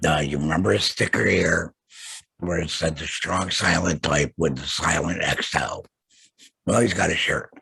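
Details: Adult male laryngectomee after throat cancer, vocal cords removed, who mentions using a tracheoesophageal voice prosthesis; alaryngeal (tracheoesophageal) speech after total laryngectomy.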